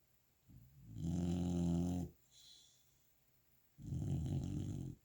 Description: Cali Girl, golden retriever puppy, snoring after a fun day of playing :)